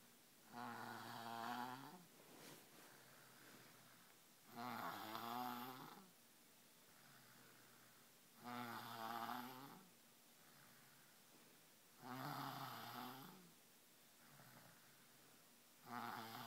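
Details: Loud rattling snores on each in-breath, about 16 a minute, with quiet breathing between, from a 3-year-old child; snoring.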